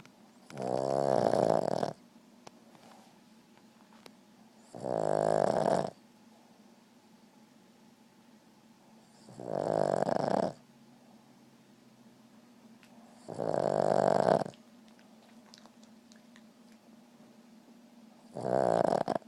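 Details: Snoring from a sound-asleep Boston terrier: loud, buzzy snores about 14 a minute, with quiet pauses between them.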